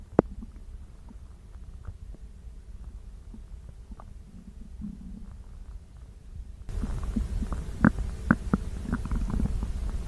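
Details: Low gurgling and rumbling abdominal noises with short squelchy pops, growing louder and busier, after prune juice and dried fruit: bowel sounds (borborygmi).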